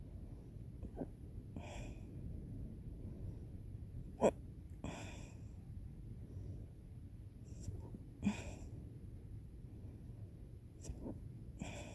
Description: But sometimes I laugh so hard I hiccup hiccup hiccup! It's sometimes the most intense for me, I can hardly breathe.